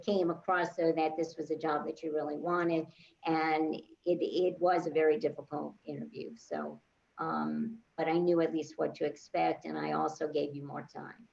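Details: Adult woman speaking; normal fluent speech.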